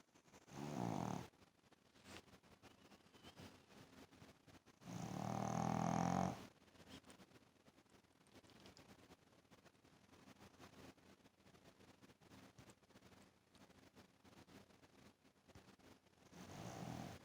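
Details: Sleeping Shih Tzu dog snoring: three loud, rough, low rumbling breaths spaced several seconds apart over quiet background.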